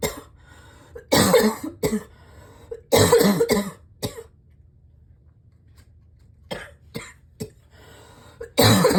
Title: #7 - this cough is still so bad